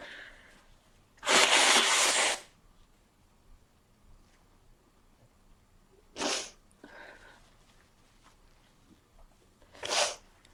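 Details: Person with a cold, very sneezy: three loud sneezes in about ten seconds, the first long and forceful, with quiet sniffing between.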